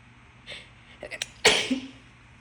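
Short breathy inhalations building to a single sharp, explosive sneeze; an ordinary sneeze.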